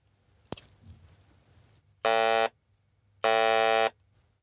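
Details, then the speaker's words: Electrolarynx used as the sound source for vocal-tract models: a click, then two steady mechanical buzzes, the artificial glottal sound heard alone without mouth shaping. "this electro larynx produces a glottal sound like this"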